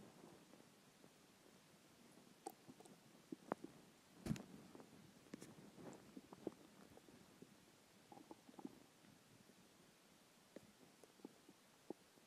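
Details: Skipped lunch; quiet recording with scattered soft gurgles, squeaks and pops over background hiss: hunger borborygmi.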